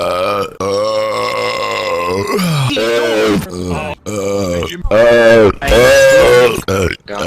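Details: Burping compilation: a string of long, loud, voiced belches with brief pauses between them.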